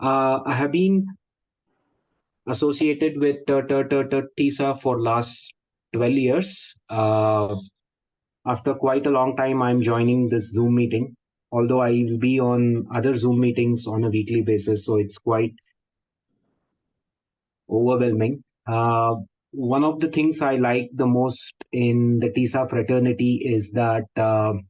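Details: Adult male, member of an Indian stammering association for 12 years, who refers to people who stammer as "us", suggesting he stammers himself; speaking in a Zoom workshop; stuttering (stammering).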